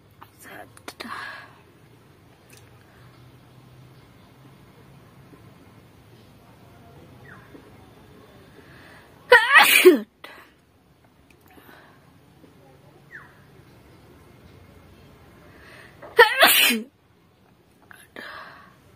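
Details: Sneezing challenge comedy clip: two loud, sharp sneezes several seconds apart, each preceded by a quick intake of breath, with quiet room noise between.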